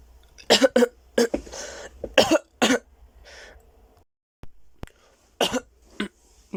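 A burst of several harsh coughs with throat clearing and a gasping breath in between, then a few more coughs.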